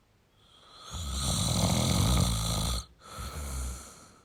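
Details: Male snoring: one long, loud, fluttering snore on the in-breath, then a short pause and a softer rough out-breath.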